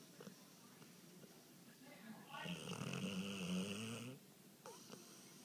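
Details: A heavy sleeper whose snoring can be heard from the next room gives a rough, fluttering snore of about two seconds on the in-breath, over quiet room noise. Snoring.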